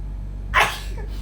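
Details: Adult woman during a nose-plugging challenge, nose feeling tickly: a single sharp, explosive sneeze over a quiet room hum.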